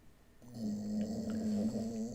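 A dog snores with one long, low, rumbling breath that fills most of the clip; faint room noise behind it.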